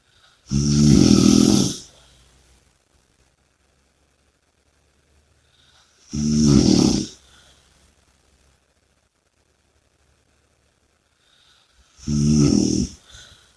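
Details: Loud, rattling snores about every five to six seconds, roughly 11 breaths a minute, with quiet pauses between; heavy snoring during sleep.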